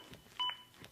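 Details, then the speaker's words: ZOLL AED Plus CPR metronome beep resuming after a pause for two breaths in a 30:2 CPR demonstration, synchronized to chest compressions and pacing them to at least 100 per minute: single short electronic beep in a quiet room. "beeps begin again and are synchronized to my compressions and again speed me up to at least 100 compressions as recommended by the American Heart Association"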